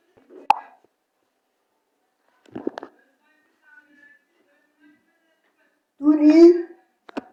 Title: ENDLESS STOMACH GROWLING